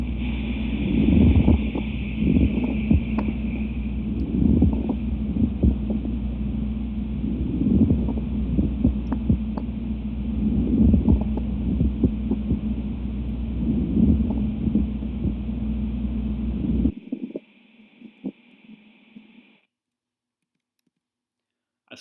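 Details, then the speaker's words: Low, rough creaking bursts recur with each breath, inspiration and expiration, over a steady rumble, likened to treading on fresh snow, from a nurse-education respiratory assessment; pleural friction rub. "it is often described as a sound like treading on fresh snow as the pleura slide but during both inspiration and expiration a rub can be heard during both halves of the respiratory cycle"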